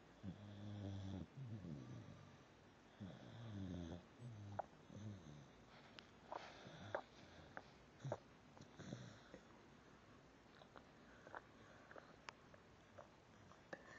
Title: snoring